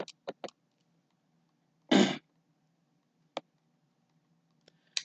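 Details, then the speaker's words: A single short cough from the speaker's mother in the background, with a few clicks and a faint room hum; cough. "Sorry, you can hear my mom cough."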